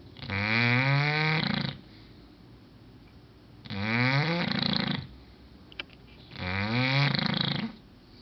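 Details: English bulldog, asleep, snoring very loudly: rising, rattling snores on each breath, three in eight seconds.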